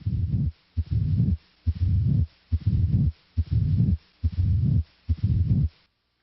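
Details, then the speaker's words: Late diastolic murmur of mitral stenosis: a long, low rumble that starts late in diastole and runs up to each first heart sound, with a regular heartbeat of about 70 per minute. "a late diastolic murmur as heard with mitral stenosis starts late in diastole and typically continues up to s-1"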